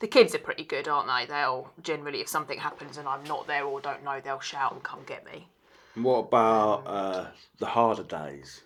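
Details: Adult speakers in conversation; normal speech.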